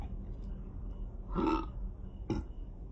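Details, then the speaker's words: Slowed-down compilation clip of a Black girl burping: two throaty belches, a longer then a short one, over low background noise; ordinary burping. "I'm not even getting the salt and I'm still burping."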